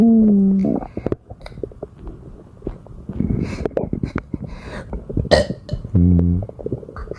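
Two loud, voiced belches at the start and near the end, with gurgling and swallowing noises in between: repeated belching from bloating.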